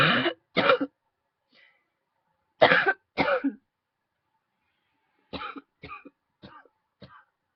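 Repeated coughing in pairs, fading into weaker short coughs; a prolonged coughing bout from throat irritation.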